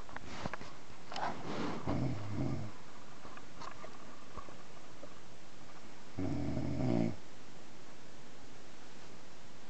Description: here is a short video of my partner snoring in bed.